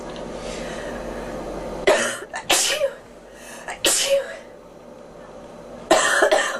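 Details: Girl coughing: several short coughs in small bursts over steady room noise; she then complains that her ears are popping.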